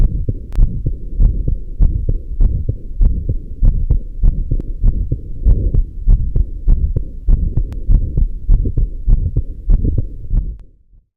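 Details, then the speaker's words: Aortic regurgitation, with no associated mitral stenosis: a soft, blowing early diastolic murmur after the second sound, best heard at the left sternal edge with breath held in expiration, over a regular heartbeat near 98 a minute. "it is a early diastolic murmur which is best heard at the left sternal edge sometimes really a myth - lick mama heard at the apex may occur due to the Austin Flint effect of the aortic rehabilitation but there's no Associated mitral stenosis in this case"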